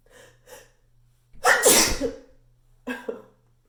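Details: Loud sneezes with slight spray, echoing in a bathroom, followed by nose blowing.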